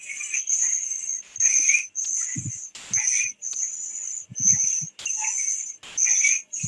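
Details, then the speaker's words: Infant with respiratory difficulty and biphasic stridor: high-pitched, harsh, musical noisy breathing on both inspiration and expiration at about 39 breaths a minute, from upper airway obstruction. "you can see the musical sound here we can see the both physics sound inspiration as well expression"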